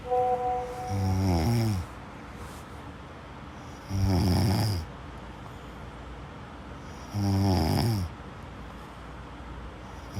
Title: صوت شخير النوم sleep snoring sound